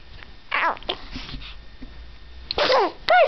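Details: Infant girl: a small, sharp baby sneeze among soft coos and babbling while she smiles; ordinary sneeze.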